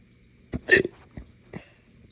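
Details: Abrupt throaty gulping bursts, one with a burp-like rasp, then two smaller catches. Hiccups with belching, a bad bout from drinking morning coffee too fast on an empty stomach.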